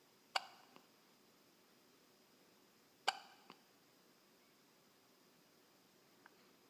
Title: hiccups